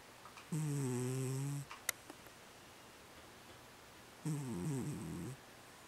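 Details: Snoring during sleep, possibly in REM sleep: soft, repeated "m" snoring sounds.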